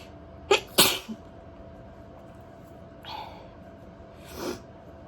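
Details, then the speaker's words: Sneezing induced with a cotton bud (Q-tip) in the nose: a sharp burst of two quick uncovered sneezes, followed by softer breaths and sniffs. "uh oh yeah that's the spot i am sneezing uncovered but i'm the only one here thank you when i induce i've noticed i normally only sneeze like once"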